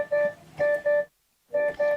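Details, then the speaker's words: Welch Allyn Connex Spot Monitor in interval monitoring, with vital signs outside set alarm limits: repeating pattern of three musical alarm tones with a pause; the relevant tile is highlighted. "there are high and low priority alarms when an alarm is triggered the relevant tile is highlighted and a warning tone sounds"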